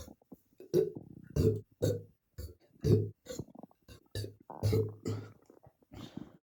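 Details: Person suddenly and very bloated, burping a lot over about 30 minutes before the stomach calmed: about a dozen short, deep, gurgling burps in quick succession, belching from a bloated stomach.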